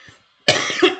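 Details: Adult teacher with winter allergy, not COVID, coughing during a lecture: a single harsh, forceful cough with a brief throaty rasp, in a quiet room.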